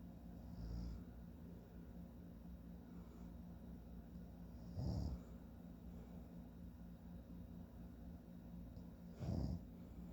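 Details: Low, rumbling snores about every four to five seconds over steady room hum from a sleeping adult man; snoring during sleep.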